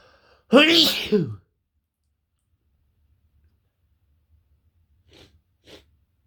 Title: intense cold sneezes